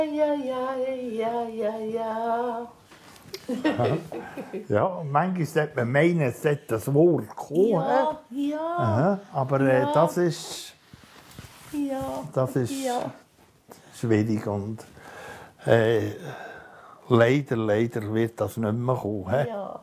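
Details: Adult male speaker; no disorder.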